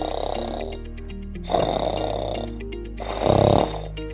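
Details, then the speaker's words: Two rough, rattling snores on inhaled breaths, each about a second long, over steady background music, presented as possible sign of sleep apnea. Snoring. "Los ronquidos no son normales ni inofensivos. Pueden ser señal de un padecimiento llamado apneo del sueño o de algún otro problema que pueda afectar [música] tu salud y tu descanso."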